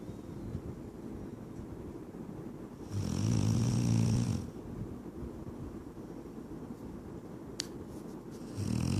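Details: Shar Pei dog snoring: one loud, low, rattling snore lasting over a second, with soft breathing noise around it.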